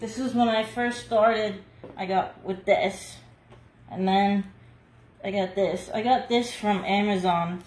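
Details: Adult woman about two years after a hemorrhagic stroke, with seven brain surgeries and one more planned, still numb on her whole side, unable to talk at all a year earlier and working on speech recovery; aphasia after stroke.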